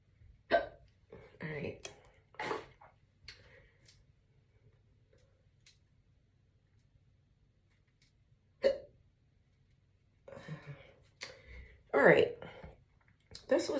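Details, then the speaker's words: Woman with morning hiccups while getting ready for work, then stepping outside: several sharp abrupt gulping catches among quiet talk and pauses; hiccups. "hey guys i got the hiccups so i'm getting some fresh air okay"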